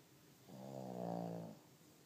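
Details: A single soft, low, buzzing snore lasting about a second in a quiet room; ordinary snoring during sleep.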